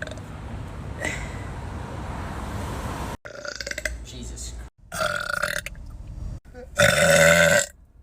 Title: tiktok burping series part 4